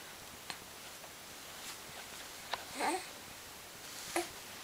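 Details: Hiccups: several soft, abrupt catches of breath a second or two apart in a quiet room, sounding like harmless infant hiccups.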